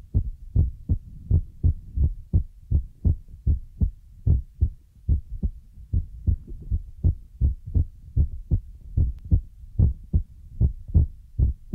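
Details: Heartbeat sound used as an ASMR relaxation trigger: a steady, low thumping heartbeat at about 77 beats a minute, with no other sounds over it.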